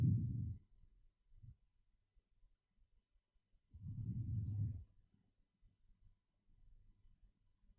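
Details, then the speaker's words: Stethoscope over the right lung of a COVID-19 patient: soft, low rustling normal breath sounds without added noises, though ultrasound showed B lines with consolidation. "that was completely normal. Let's hear the left lung."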